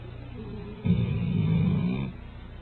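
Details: A single loud, low, rumbling snore lasting about a second from a sleeping animal, rising out of quiet background noise; snoring.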